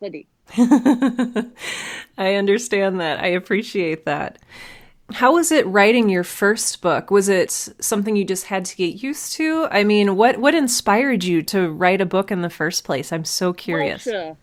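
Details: Adult woman speaking; Normal speech.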